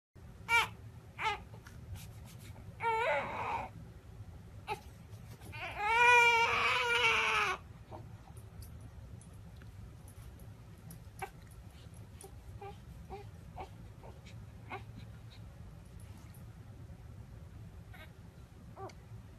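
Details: Newborn baby crying, calmed by a Labrador licking the baby: short wavering cry bursts fade to quiet whimpers and soft sounds over a steady room hum.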